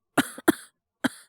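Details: Three short dry cough bursts, acted by a male voice performer playing a teacher with cough and fever in a fictional scenario; all acting, simulated cough.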